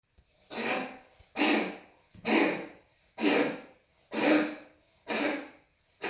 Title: patches coughing